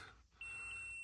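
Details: CF500 laser and electrical stimulation device, screen activated by a long hold of the button before a treatment: a single sustained high electronic tone after a quiet moment.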